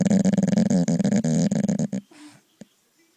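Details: Dog snoring: a loud, rapid fluttering rattle on each breath for about two seconds, then quiet breathing.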